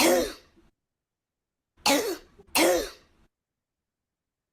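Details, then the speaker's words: Harsh, barking, metallic coughs characteristic of croup, presented as a cause of laryngeal stridor in pediatrics; the croup prodrome includes coryza and nasal congestion, sometimes fever. "ahora vamos a escuchar Cuál es esta característica dos metálica que se identifica en"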